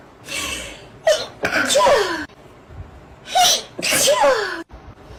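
Two sneezes, each a quick sharp inward breath followed by an explosive burst, in a quiet room.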